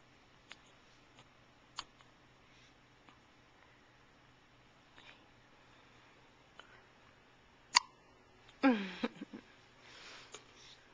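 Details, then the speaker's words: Curly-haired baby girl in pajamas, recorded on a Flip Video camcorder: short, sharp, faint hiccups at irregular intervals, about seven in eight seconds, then a louder sneeze; soft adult voice; hiccups. "Oh, look at those big eyes. Yeah, she had the hiccups."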